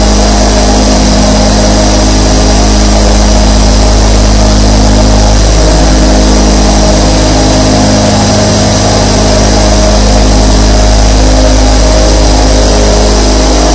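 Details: Recording of 24 nebulizer compressors running at once: a steady, layered motor hum with soft hissing airflow over it.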